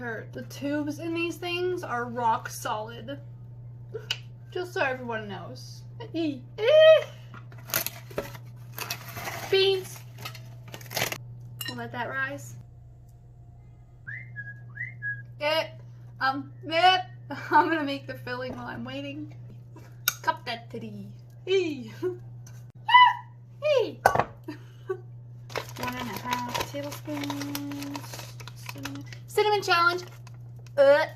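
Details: Tourette syndrome vocal tics in a woman: repeated word tics and unrelated phrase tics interrupt her speech.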